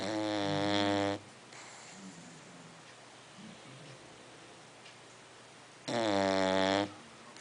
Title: Snoring